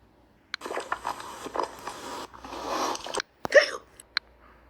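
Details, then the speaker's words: Acted scene: a girl reports getting hiccups while playing her song at guitar practice; a few sharp, abrupt catching clicks amid rustling room noise; hiccups. "Horrible. I got hiccups at guitar practice. When I was playing my song, I got hiccups at there."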